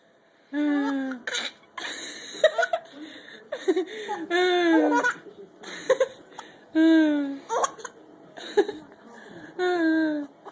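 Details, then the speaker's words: Baby laughing with hiccups: bursts of giggling broken by short, sharp catching sounds. "you got the heup mama I got the hiccups I got the hiin UPS"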